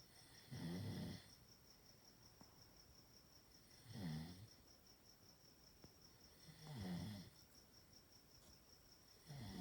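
Soft, low snuffling snores about every three seconds from a sleeping small dog, with a faint steady hum behind.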